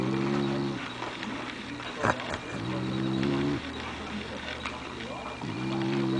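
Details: Dog Spock snoring with his eyes open: rhythmic, buzzing snore returning about every three seconds, a harmless sleep sound.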